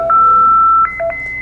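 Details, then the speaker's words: Steady high electronic tone with brief beeps as a defibrillator charges in synchronized (sync) mode, paddles on the chest, before delivering the shock. Practical training demonstration of synchronized electrical cardioversion; defibrillator charging tone. "Ele faz esse barulho sonoro. E aí, eu libero o choque."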